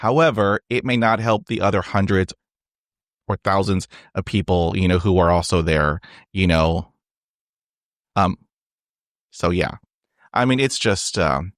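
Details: Stuttering in an adult, real, who has stuttered since age 5 and had speech therapy on and off from grade school to college; spontaneous podcast interview speech.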